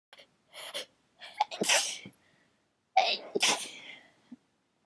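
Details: Two sharp morning sneezes, each with a quick intake of breath before the burst; sneezing.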